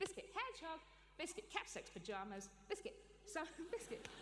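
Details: Adult with Tourette syndrome, a neurological condition causing involuntary movements and noises; this stretch consists of involuntary word vocal tics; vocal tics (Tourette syndrome).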